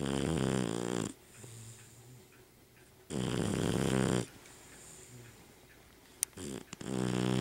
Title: Daisy Snoring loudly